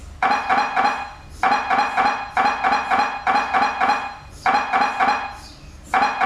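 Loud repeating bursts of metallic knocking in steady groups with short pauses between: the typical noise of an MRI scanner at work.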